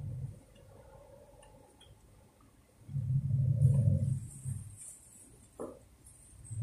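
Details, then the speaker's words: Nursing practicum thoracic exam demonstration: stethoscope auscultation over the chest, soft low rustling breath sounds of normal vesicular breathing over healthy lung; vesicular breath sounds. "Nah ini dengan nanti ini saya coba memperdengarkan mudah-mudahan kedelai untuk suara vesikuler dari pengaruh"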